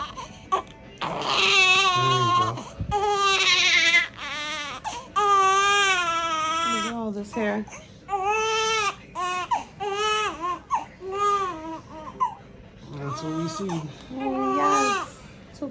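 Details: Newborn baby girl being burped for the first time, crying: repeated high wavering cries in short bursts with breaths between, music in the background.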